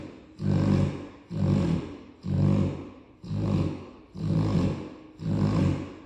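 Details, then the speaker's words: Loud, deep, rhythmic snoring on every in-breath, about 60 breaths a minute, from a sleeping, tired Cane Corso dog; ordinary snoring. "My boy tired. Boy, you snoring like a grown man."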